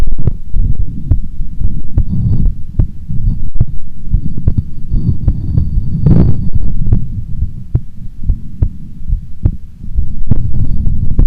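Steady low thudding heartbeat under a loud, muffled rumble. A normal resting heartbeat.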